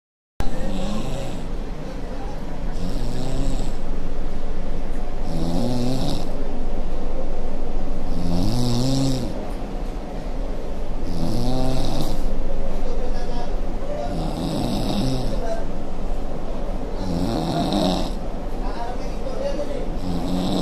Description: Can this boy be the next snoring champion of the World?